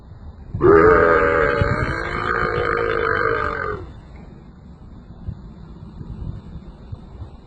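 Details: Man burping at cows outdoors: a single long, loud, voiced burp of about three seconds, followed by quiet outdoor background.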